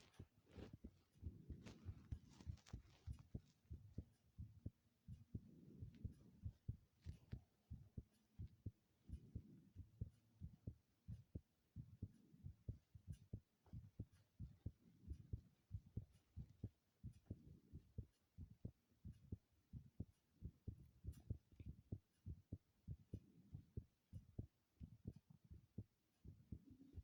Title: intense heartbeat sounds (seriously intense*)